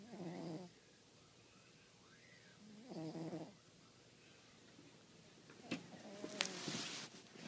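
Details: Sleeping cat snoring: a few soft snoring breaths, followed by rustling and clicks; ordinary harmless snoring.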